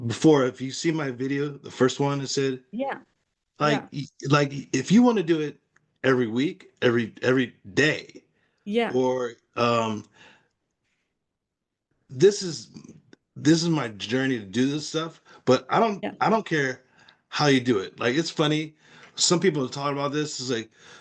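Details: Aphasia in a man after a stroke.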